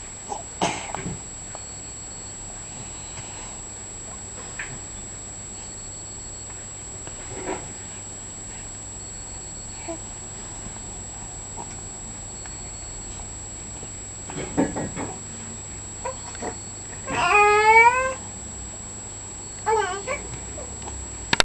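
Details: Sneezing in a 10-week-old twin infant: a few breath catches and a sneeze-like burst, then voiced sounds, in a quiet room.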